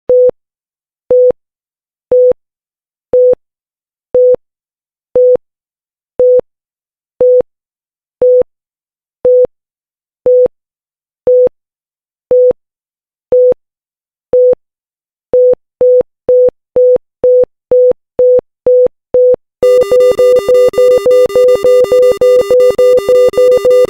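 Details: Pulse oximeter sound effect: the monitor beeps steadily at about 60 a minute, quickens to about 120, then an alarm tone joins.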